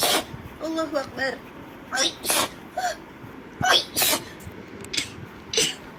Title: girls sneezing rapidly. #4.|| rapid sneeze.